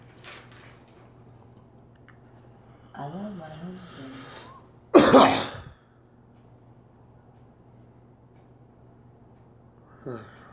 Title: Me coughing